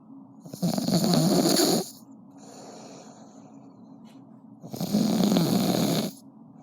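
Two long, loud rattling snores on the in-breath, about four seconds apart, with quieter breathing between; ordinary snoring.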